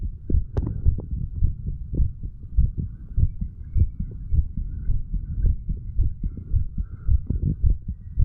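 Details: Self-recorded heart sounds of a 35-year-old male, standing, auscultated over mitral, tricuspid, pulmonary and aortic areas and right ventricle area; strong, low, steady thumps about 107/min, close and clear; normal heart sounds.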